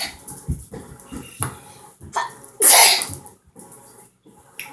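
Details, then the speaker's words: Sneeze shown as one of three ways to sneeze (around friends, around boys, alone), recorded in a kitchen: a sharp, loud sneeze burst after a few short breaths and noises; ordinary sneeze. "Today we're gonna do today my video is about 3 ways to sneeze."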